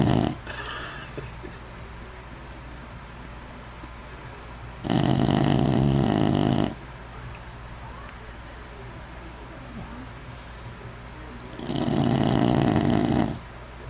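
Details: Sleeping bulldog snoring loudly: two long, loud, rough snoring breaths with quiet breathing between them.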